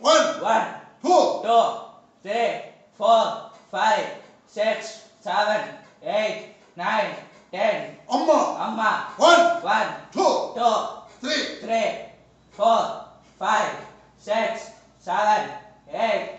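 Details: Puberphonia in a young man with a high-pitched voice for 2 years, confirmed by pitch analyzer; counting and vocalizing during a treatment session to lower his pitch.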